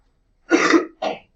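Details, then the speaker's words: Two harsh, short cough bursts, muffled as if into an arm, the second weaker: a middle school student coughing in a math class, covering the cough, which the teacher says sounds bad. "Like, I appreciate that you're covering your cough, but that sounds bad."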